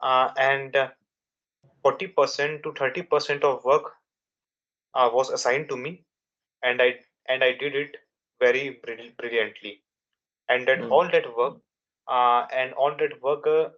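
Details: Young adult man from India with a father who also stammered; stuttering.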